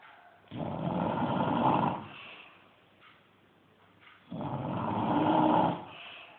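Two long, rough, rattling inspiratory snores about four seconds apart with quieter breathing between; ordinary snoring.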